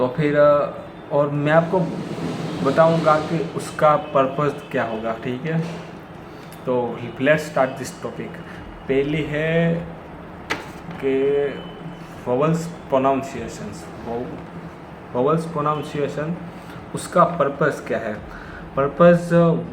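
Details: Hindi-speaking adult man who stammers, with difficulty on words starting with sounds like 'd' and 'pr', practising daily; part-word and word repetitions audible; stuttering.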